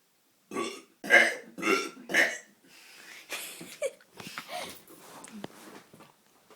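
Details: Two young brothers doing deliberate burping: four loud, rough burps in quick succession, then softer gurgling belches.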